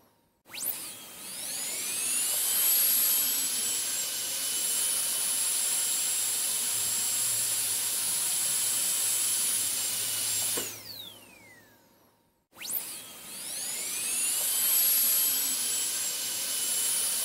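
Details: A high-pitched whine that climbs to full speed, holds steady, then winds down before starting again, from an ASMR sleep-sound recording; dental drill switched on and off.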